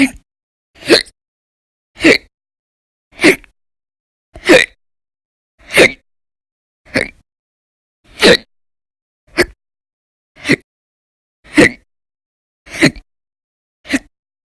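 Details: Recurring violent, loud hiccups as sharp brief gulping bursts about once a second, roughly 50 a minute, with silence between; an audio-only recording from a series of daily hiccup episodes lasting about 10–13 hours each during December 2019.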